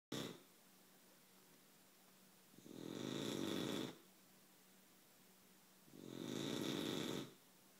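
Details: Female snoring: two long, loud, rough snores on breathing in, roughly every three seconds, with quiet room noise between them.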